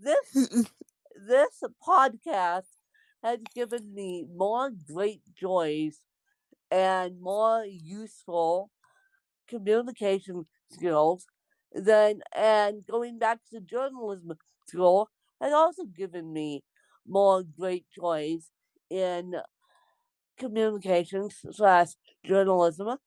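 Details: Speech of an adult woman born with cerebral palsy (lifelong, congenital); no specific speech disorder is named.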